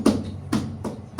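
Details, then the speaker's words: Heart sounds during an auscultation teaching lecture, finding a premature beat (arrhythmia): of the two sounds, the second is shorter and drier, described as short and dry. "Cuál es más Seco de los dos el segundo el segundo es un ruido más seco corto y seco"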